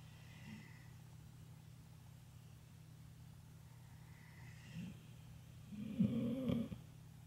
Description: She falls asleep with the flicker of the TV lights, and begins to snore.